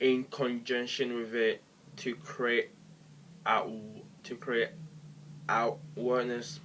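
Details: Adult man who stammers, with particular difficulty on words beginning with "e".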